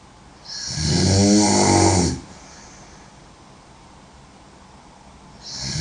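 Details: Woman snoring very loudly: one loud, rattling inspiratory snore lasting about 1.5 seconds, then quiet until the next breath; heavy snoring.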